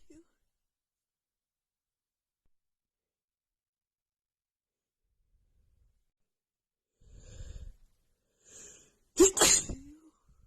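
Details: Long quiet stretch, then a soft inward breath and a sharp, loud sneeze near the end, from a woman with a bad, stuffy head cold.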